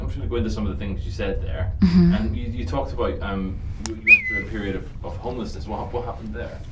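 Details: Adult male interviewer; normal speech.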